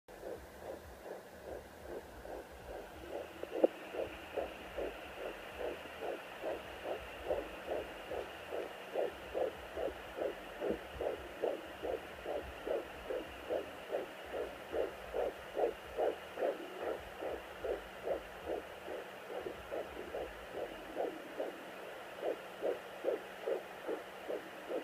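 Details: Fast, regular whooshing fetal heartbeat, about 143 beats a minute, on a home fetal Doppler at 13 weeks 1 day of pregnancy, probe aimed down and slightly left on the belly.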